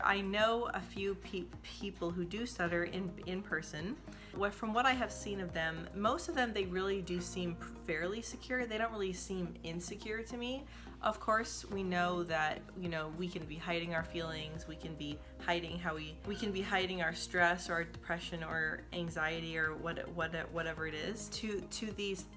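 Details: Adult woman who says she stutters and makes videos as a person who stutters; stuttering with audible word and part-word repetitions.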